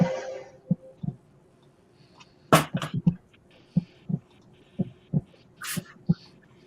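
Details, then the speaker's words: Faint, low double thumps of a heartbeat at about 60 beats per minute, played with the volume turned down, with occasional room noise. "yeah yeah okay well the heartbeat's kind of low I did turn it down so"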